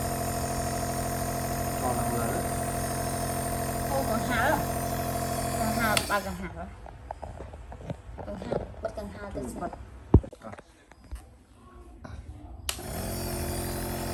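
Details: Baby being treated for sneezing with a compressor nebulizer: steady droning motor hum, briefly stopping, with voices talking over it; compressor nebulizer running.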